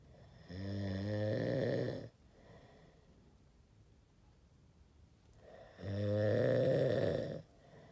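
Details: Adult who claims never to snore: two loud, rumbling, vibrating breaths with a quiet pause between them, like a beast growling; heavy snoring.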